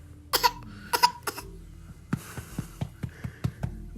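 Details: Baby's voluntary, fake cough: two or three short, voiced little coughs, a playful imitation rather than illness.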